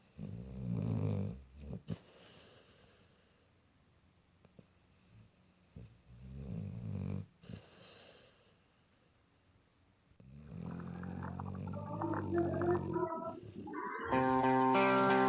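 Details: Pit bull sleeping and snoring, unenhanced natural sound: loud rumbling snores on the in-breath about every five to six seconds, followed by louder snorting and whistling noises.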